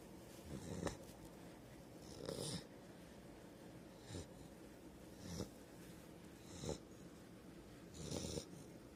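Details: Five-month-old Rottweiler puppy snoring in sleep: repeated rough, snorting breaths roughly every one to two seconds, about 36 a minute.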